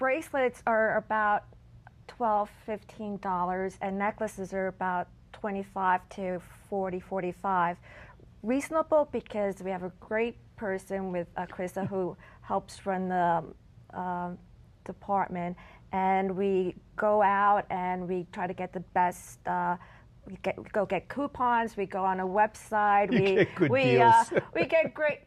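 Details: Woman still living with aphasia following a stroke at age 40 in 2003.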